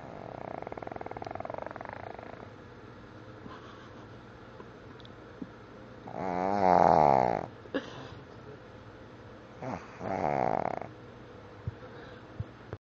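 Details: Sleeping puppy snoring: soft whistling, buzzing snores with quiet pauses between breaths, about three breaths in under thirteen seconds.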